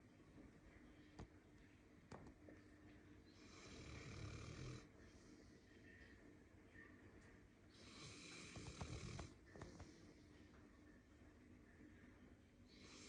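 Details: Sleeping Kelpie-Boxer or Golden Lab dog, tired from playing, snoring: two slow, rumbling snores with airy breath noise between and occasional faint clicks.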